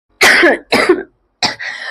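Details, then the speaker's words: Three harsh, dry-sounding acted coughs from an adult in a staged skit, the last trailing into rough throat clearing; the person says the cough lasts all day, is worsening and the throat hurts. "Oh, my throat. Dude, you're coughing so much. Are you even doing something for it?"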